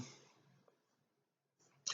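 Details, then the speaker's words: Cat sneezing repeatedly off-screen: two short, hissing bursts, one fading at the start and one sharp at the end. "sorry if you hear that off-screen I have a cat who is sneezing her head off"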